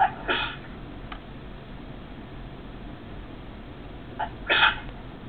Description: some more sneezing!